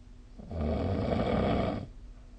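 A single loud, rough, rattling snore on an in-breath, low and vibrating, with a quiet room before and after.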